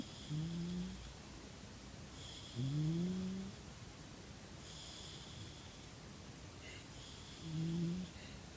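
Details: Eight-month-old huntaway cross puppy snoring during sleep: low, buzzing, tonal snores with a faint whistle, about three breaths in nine seconds.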